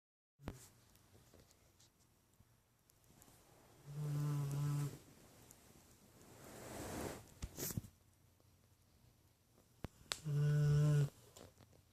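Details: Snoring dog: two loud, low, buzzing snores about six seconds apart, with a fainter breath between, over quiet room noise.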